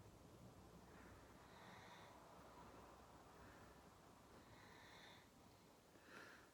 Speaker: You hear that dog snoring his head off?